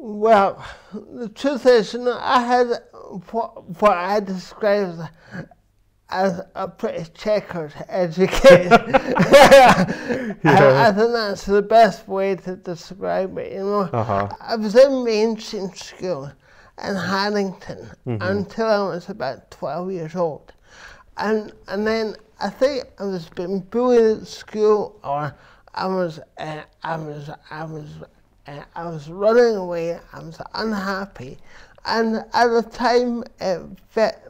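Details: Adult man with dysarthria from cerebral palsy present since birth, which he says affects his verbal communication, balance and coordination; real speech; finding: dysarthria (cerebral palsy).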